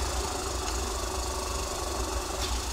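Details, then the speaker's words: Suction machine tested on a simulation mannequin before airway suctioning, target 80–120 mmHg, reading rose to 150: steady low motor hum with a constant drone. "so this is where I I'm I'm going to turn this on and then I'm going to turn it off again just because it's so noisy"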